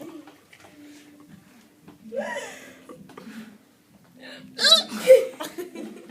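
Abrupt, squeaky hiccup sounds mixed with laughter and soft talk in a small room; hiccups.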